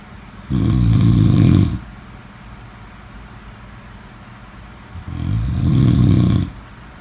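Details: Snoring.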